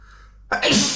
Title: Spraying a mirror with sneeze-mist (M)